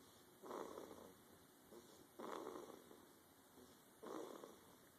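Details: Sleeping person snoring: soft, rhythmic snoring breaths, about 34 a minute, low and gentle over quiet room noise.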